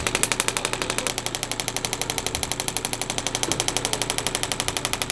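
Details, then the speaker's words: Radial shockwave therapy on an adult triathlete's left knee, low-level pain for a couple of years with no significant injury; intensity reported around 5–7 out of 10. Fast, even, sharp tapping pulses at about ten a second from the handpiece. "so what Shockwave is aiming to do is we're kind of disrupting some of the tissue in this area that might have healed poorly and giving it a chance to um be better the second time around"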